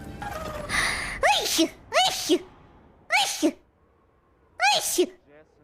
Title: sneezes multiple consecutive times on stream [HololiveEN]